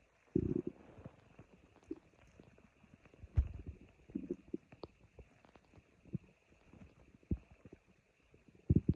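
Quiet recording of soft, irregular low gurgles and rumbles over faint room hiss; ordinary stomach growling.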